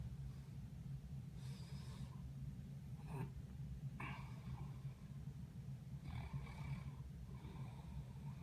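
Steady low rumble with several soft noisy breaths and a snort, fitting snoring during sleep.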